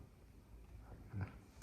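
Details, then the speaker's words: Woman's stomach growling in the morning while working in a sewing studio, not hungry, described as a habitually loud, vocal digestive system: low rumbling gurgle swelling briefly louder; borborygmi. "I don't know if you can hear my stomach. It's just it's notorious for being extremely loud."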